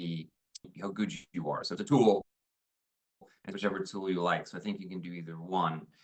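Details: 71-year-old man after right glomus jugulare resection with hypoglossal sacrifice; right vocal fold and right tongue paralysis, velopharyngeal insufficiency; breathy weak voice, reduced power and range; vocal fold paralysis with hypernasality and dysarthria.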